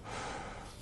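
After a quiet moment, a short, deep, rumbling breath sound is made by mouth, an imitation of a diver's normal low-pitched breathing at depth.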